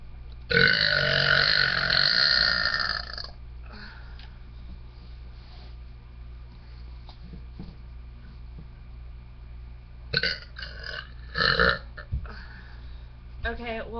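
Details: Voluntary burping by a person unwell for a few days with allergies: one long, loud, voiced burp of about three seconds, then several shorter burps.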